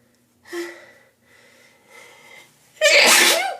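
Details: Itchy morning sneezing fit, first thing in the morning before taking antihistamines: a few soft, breathy build-up sounds, then one loud, explosive sneeze.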